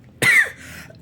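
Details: Single short, harsh, dry cough in a quiet room at night during a self-check while feeling unwell: temperature 36.4 °C, oxygen 95%, blood pressure 109/64, after taking paracetamol; cough.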